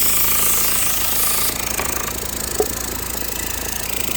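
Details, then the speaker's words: Suction pump (aspirator) with its tubes connected backwards: loud continuous motor hum and rattle that barely changes when the patient suction port is blocked, giving almost no suction before it is reconnected correctly. "So just to show you, I've hooked these tubes up backwards. Here is our patient suction. And if you see, I will occlude it, and I'm not really getting any suction because I'm hooked up backwards."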